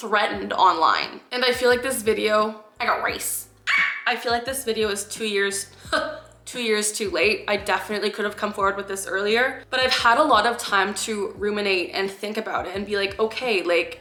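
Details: Vocal tic (Tourette syndrome) in a 26-year-old woman, clinically diagnosed at age 12; her tics wax and wane and she can suppress them. A vocal tic interrupts her speech.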